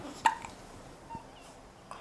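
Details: Eight-day-old baby boy with hiccups, common for him because he feeds fast: a single sharp, brief hiccup with a fainter second one, in a noisy room.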